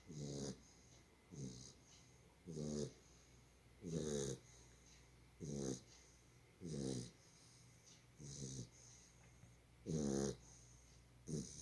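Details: A sleeping dog snores with regular rattling snorts at about ten breaths a minute, each with a fluttering noisy sound; snoring.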